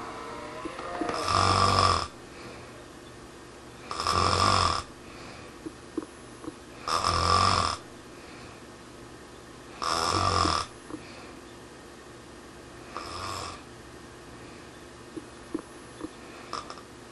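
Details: Snoring recorded alongside a snore-stopper pillow: five loud rattling snores on breaths in, about 20 a minute, with quiet gaps between; ordinary snoring.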